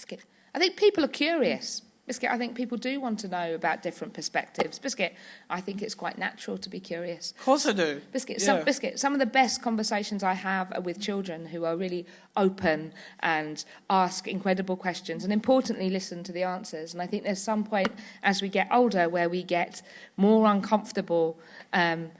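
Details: Woman living with Tourette syndrome, who describes being neurologically unable to stay on script, speaking with frequent involuntary vocal tics; Tourette syndrome vocal tics.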